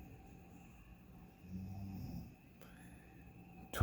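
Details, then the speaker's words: Adult snoring loudly at 12:37 a.m. while asleep in a hotel room on vacation: a single low, rumbling snore on an in-breath over quiet room hum, described as a non-stop "freight train" of ordinary snoring. "It's a freight train. No one's getting in front of. No one can stop it. It's just a freight train of snoring."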